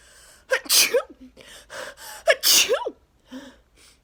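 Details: Two forceful sneezes, each after a quick inward gasp, with sniffing between; part of a 34-sneeze allergic sneezing fit with nose blowing, attributed to neighbors cutting grass.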